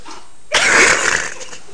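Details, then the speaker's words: Allergy sneezing: a single forceful, partly held-in sneeze burst, with mucus running out; sneeze. "that was my nasty sneeze moment a it's allergy sneezing people take your Zer Tech"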